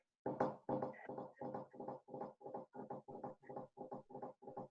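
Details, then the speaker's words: Teaching vocal imitation of fast heart sounds in a rapid three-beat galloping cadence: a third heart sound with tachycardia. The cadence is attributed to the tachycardia often seen in heart failure patients. Gallop rhythm, S3 with tachycardia. "¿Escucharon el galope? Sí. Sí. Sí. Entonces, tercer ruido con taquicardia es galope."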